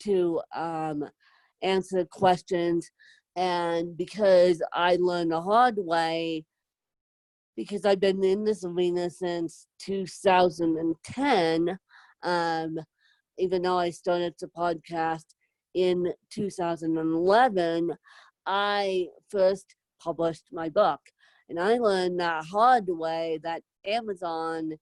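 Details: Adult woman with moderate to severe cerebral palsy, needing help 24/7; dysarthria associated with cerebral palsy.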